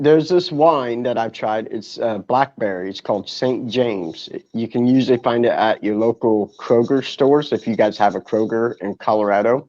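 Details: Adult male speaker; normal speech.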